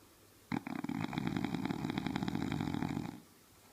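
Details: Bulldog snoring loudly: a loud, rattling, fluttering snore sustained for about two and a half seconds on one breath.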